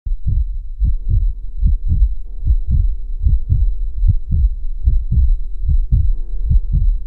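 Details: Steady, deep double-thump heartbeat at about 73 beats a minute with a faint hum behind it: a regular heartbeat.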